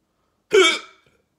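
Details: Hiccups that won't stop: a single abrupt voiced hiccup with a quick catch of breath, part of ongoing hiccups; hiccup.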